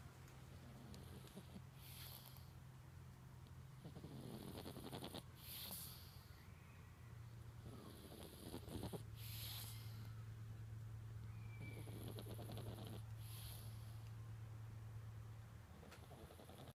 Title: Boston terrier puppy snoring